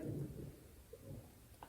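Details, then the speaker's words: Stomach growling (borborygmi) loud enough for the person to remark on it: low, soft rumbling and gurgling with a brief bubbly sound partway through. "wonder if you can hear my stomach growling. It was really loud just now."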